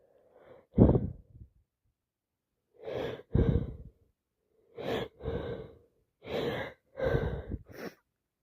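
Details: Day 2 of a cold: a sharp sneeze, then repeated sniffs and heavy breaths through a blocked nose; sneezing and sniffing all day.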